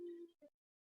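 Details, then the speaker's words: Pet cat wheezing: a faint, brief, high-pitched whistling breath sound; the owner says the wheeze is usually quite loud. "but that's my cat wheezing i don't know if you can hear that um not really but she's quite loud"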